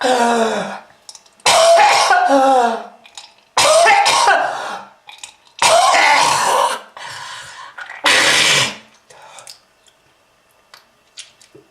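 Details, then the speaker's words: Smoker with lung disease producing red-colored material: loud, harsh, repeated coughing with wet throat clearing and groaning between bouts; heavy smoker's cough. "uh that red color is not from fruit punch kids if you want this to happen to you just keep smoking this is lung disease"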